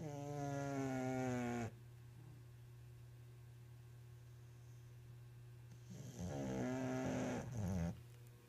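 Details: Bulldog snoring while asleep: two loud, buzzing snores separated by a quiet pause, over a steady low hum.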